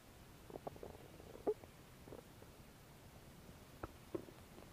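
Soft, scattered gurgles and brief squeaks over a quiet background, ordinary stomach growling.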